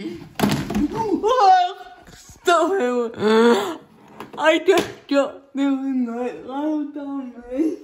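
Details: Female with cerebral palsy talking while feeding herself with a Neater Eater feeding aid; the dysarthria is inferred, not named: dysarthria (cerebral palsy).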